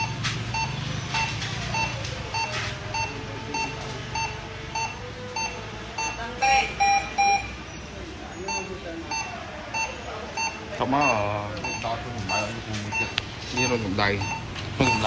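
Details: Steady, regular electronic beeps from a bedside patient monitor, with people talking in the room, during a demonstration of starting the monitor and setting up blood pressure and oxygen measurement.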